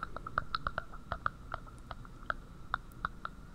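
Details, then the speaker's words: Death rattle from secretions accumulated in the upper airways: rapid irregular wet popping and bubbling over a low rumble. "O estertor da morte é mais quando acumula secreção nas vias aéreas altas, como aqui está mostrando."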